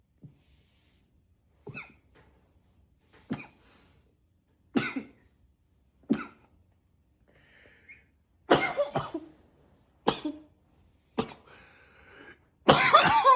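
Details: About nine separate voluntary acted coughs with quiet pauses between, some deliberately deeper-voiced.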